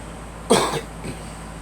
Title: Girl coughing